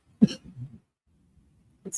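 A single short cough or throat clear, followed by quiet low murmuring, then silence.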